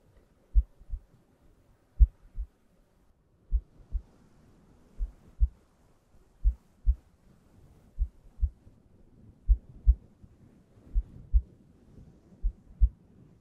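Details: Slow, steady paired lub-dub beats of a normal heartbeat at about 41 a minute with a soft low hum underneath, from an ASMR relaxation and sleep heartbeat recording.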